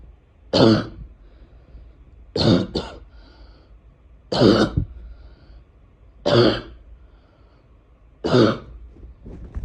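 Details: Adult with an unusual barking cough, unsure why: short, harsh, deep barking cough bursts about every two seconds.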